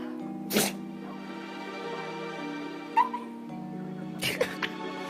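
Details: Two sharp, explosive sneezes from a cat or dog, over steady background music; sneezing.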